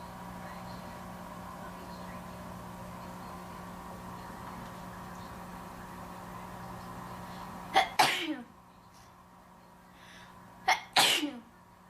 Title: Induced Sneezing #2